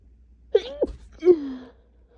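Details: Woman with her first cold of the season, with asthma causing painful chest tightness, three days of sinus pressure from face to back of head, and two days of fever: two loud, forceful voiced sneezes with drawn-out cries; painful cold sneezing fit.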